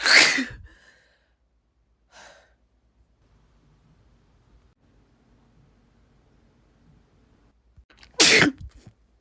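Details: Deliberately induced sneezing by tickling inside the nose with an object: two loud, explosive sneezes with a short sniff and quiet breathing between them.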